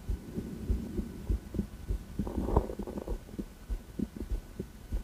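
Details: Female, heart auscultation through a stethoscope; regular low paired thumps at roughly 100 a minute with a steady hum beneath; normal heart sounds.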